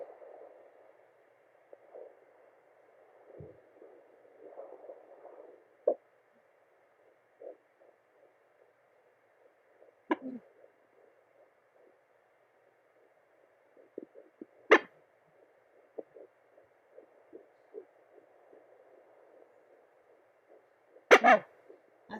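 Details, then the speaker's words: Fetal movement on home fetal Doppler at 13 weeks pregnant, first trimester: hiss with scattered irregular thumps and swishes as baby moves, faint heartbeat only in background, no steady rhythm. "so you can kind of hear some wishing in the background too and then you can hear those kind of bump noises that's the baby moving"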